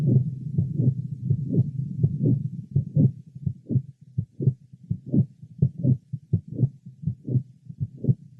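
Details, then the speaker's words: Patient with atrial septal defect and mitral valve prolapse, heard at the apex: regular heartbeat with a late apical systolic murmur filling the second half of systole; no systolic click has ever been heard. "another patient with atrial sepal defect and mitro valve prolapse note late apical systolic mmma no systolic click has ever been heard"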